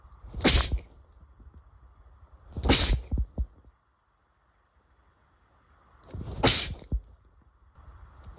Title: sneeze 91-100